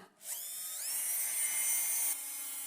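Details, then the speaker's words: High-speed dental handpiece spinning up, cutting steadily, then easing off while sinking the bur ~1 mm for occlusal depth orientation grooves from cusp tips. Typodont mandibular first molar (#36), full veneer crown preparation. "So you start from the cusp tip and go down and sink the burr completely inside, so that our depth orientation grooves would be about 1 millimeter in all the places."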